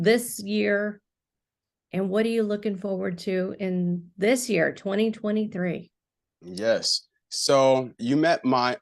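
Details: Adult speaker; no speech disorder.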